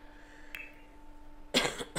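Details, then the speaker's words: Cough from an adult speaker with a head cold affecting the throat upward, who says pardon mid-speech. "pardon me this cold just has me it's a head cold so like from the throat up everything from the th"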